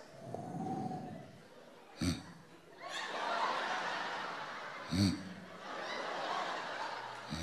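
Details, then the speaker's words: Snoring: noisy breathing broken by three loud, abrupt snorting snores, mixed with soft laughter-like sounds. "lo suave que roncan al principio así de te sientes en la playa con esos ronquidos cuando más relajada estás"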